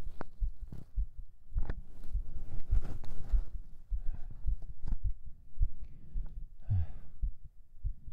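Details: Binaural recording on day 18 of strength training, right after 37 push-ups: fast, strong, regular thumping heartbeat with heavy breathing noise; normal heartbeat after exercise.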